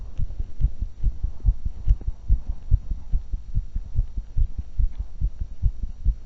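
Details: Heart sound recorded just after 20 minutes walking, 35 minutes jogging and 5 minutes running: rapid, regular beats at about 140 a minute; sinus tachycardia after exercise.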